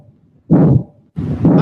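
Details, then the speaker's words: Loud, harsh, long whooshing murmurs fill each beat, with a soft to absent second heart sound: a pathologic systolic ejection murmur. "so how do you separate the benign morm from the pathologic that sounds like this the one of Robin Williams"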